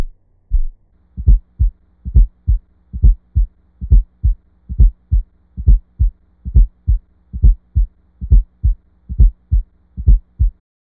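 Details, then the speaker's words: Simulated regular heartbeat about 69/min, teaching example heard best at the cardiac apex with stethoscope bell: soft extra late-diastolic sound just before S1, atrial gallop from blood forced into non-compliant ventricles; fourth heart sound (S4). "the S4 heart sound is heard best at the cardiac Apex with the bell of the stethoscope it is heard in late diastole and is often described as an atrial Gallop Rhythm it occurs due to blood being forced into non-compliant ventricles"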